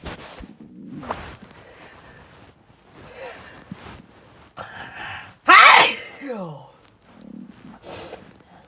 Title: More hayfever sneezes